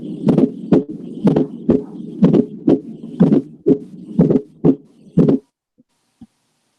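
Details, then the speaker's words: Regular heartbeat near 60 a minute, each beat a close pair of low thuds: a fourth heart sound (S4) just before S1, heard as two sounds close together and one separate. "y el r4 se escuchan dos pegaditas y una separada esto dos piedras de una separada para que no se les olvide"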